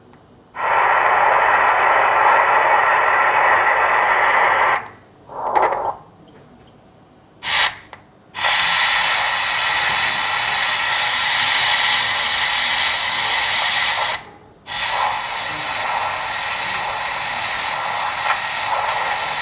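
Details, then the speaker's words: Loud, continuous rushing Doppler whoosh at the anastomosis of a normally functioning arteriovenous fistula, with an arteriotomy of 2.5 mm and aliasing on colour Doppler. It is a high-flow fistula with a significant peak systolic velocity of about 400 and a broad diastolic complex. "so this is a high flow fissure the psv is around 400 so this is a significant psv so there's a broad broad uh complex"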